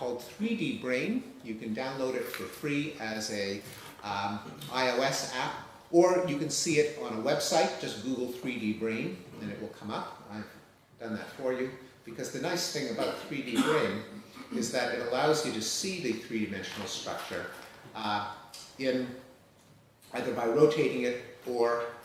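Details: Adult male lecturer; normal speech.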